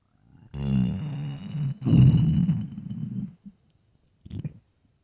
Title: hungry stomach growling and crying for food (starving) LOUD